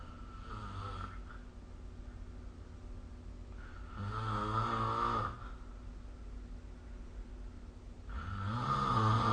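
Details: Loud rattling snores on three irregularly spaced breaths over a low steady room hum, recorded during sleep with the SnoreLab app.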